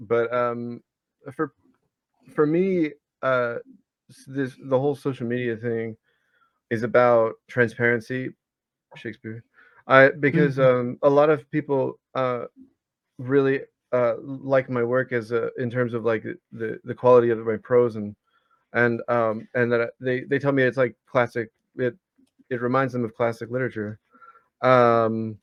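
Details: 34-year-old man with Tourette's disorder whose recurring involuntary vocal tic is the word "Shakespeare", in a podcast interview; complex vocal tic (Tourette's disorder).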